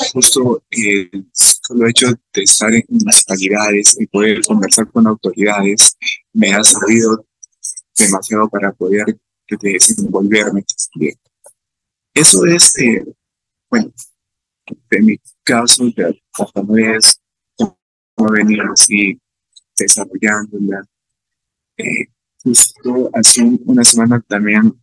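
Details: Adult man with real stuttering, speaking Spanish at a stuttering festival about his own experience of stuttering; stuttering.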